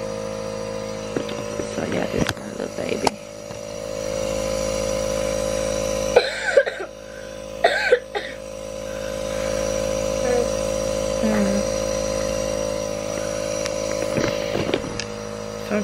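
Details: A child coughs in several harsh bursts, roughly every five seconds, over steady car engine hum during an asthma attack while being driven for care; he had thrown up green mucus.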